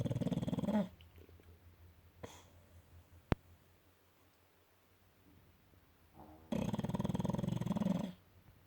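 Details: Two rough, fluttering snores separated by a quiet pause with a soft click, from a sleeping dog; snoring.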